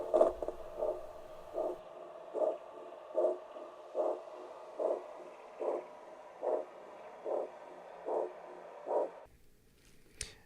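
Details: Regular whooshing pulse tones, about 73 a minute, from a McKesson handheld Doppler probe on a limb; arterial blood flow is present, as used to detect extremity pulses when none is palpable.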